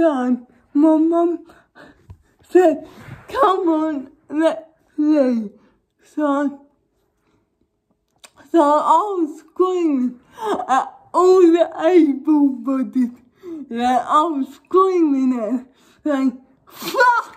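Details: Young woman with cerebral palsy causing involuntary movements, recently fitted with braces on top and bottom teeth; speech in cerebral palsy.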